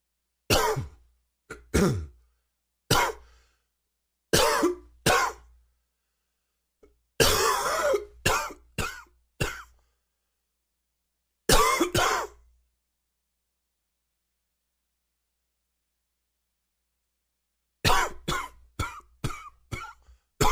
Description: Nagging dry cough and a little sore throat.